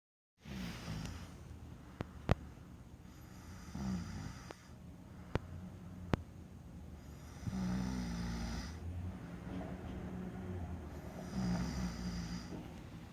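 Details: Adult New York Puerto Rican man asleep in bed, who claims he doesn't snore: deep, rumbling snores with irregular snorts, about 16 breaths a minute, with a few sharp clicks in the room. Snoring.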